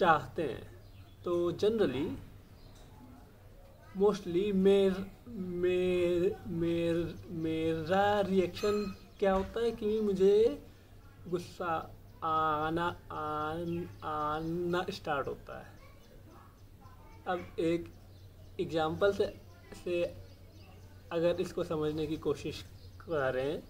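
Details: Adult male speaker; stammering.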